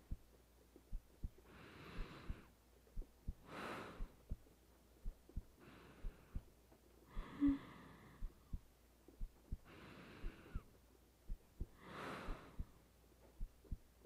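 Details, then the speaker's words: Soft, regular low thumps from a woman's own heartbeat as she lies in bed for sleep, with slow breathing and gentle rain behind; normal heartbeat. "You get to feel my heartbeat all night. I want to feel yours for a little."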